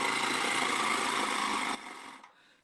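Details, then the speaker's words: Oscillating breathing trainer with an internal vibrating valve, blown through the nose, vibrating to train the soft palate and nasal mucosa, presented for sleep apnea and snoring. "görebiliyor musunuz bilmiyorum ama içeride titreşen bir valv var ve o şu kısımdan şu genizde üflerken titreşim yapıyor."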